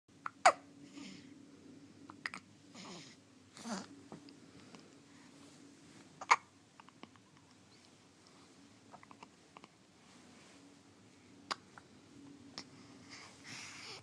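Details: First hiccups of a 4-day-old newborn: brief sharp catches a few seconds apart, about ten a minute, some louder than others, in a quiet room; infant hiccups.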